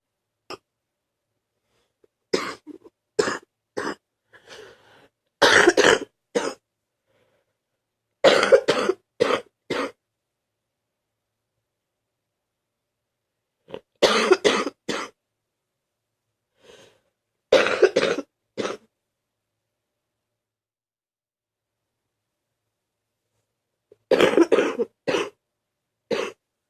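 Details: A person who has been very sick coughs in repeated bouts of coarse coughing, in clusters with quiet pauses: a productive wet cough bringing up mucus.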